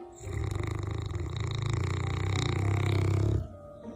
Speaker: and try as they may there is no way to stop your fur baby from snoring but that doesn't stop this woman from doing her best she places a gentle hand over her pups muzzle but nothing is going to stop massive snores like that sweet dreams puppy